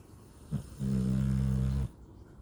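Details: 9-year-old male Husky lying on a couch, snoring: a short snuffle then one long, low, buzzing rumble from upper-airway vibration.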